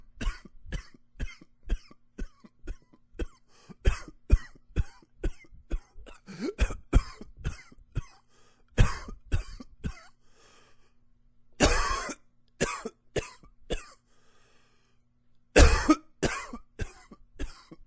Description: coughing away.